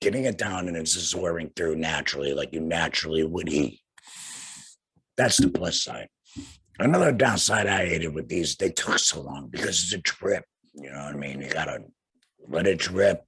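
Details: Tracheoesophageal speech in a young man about two years after laryngectomy for cancer, followed by radiation, speaking through a vibrating flanged voice prosthesis and breathing through a neck stoma.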